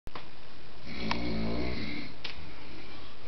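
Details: Dog snoring: one deep, low rumbling snore on a single breath under steady background hiss.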